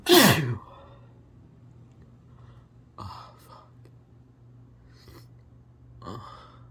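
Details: Sneezing from a college student who tried holding back and failed: one loud explosive sneeze, then two softer, partly stifled sneezes and a breath in a quiet room.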